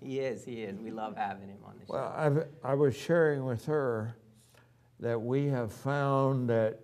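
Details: Adult male speaker; typical speech.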